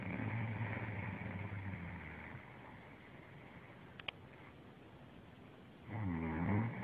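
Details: Woman snoring in sleep although she says she doesn't snore: a low rattling snore, a quiet stretch, then another rough vibrating snore.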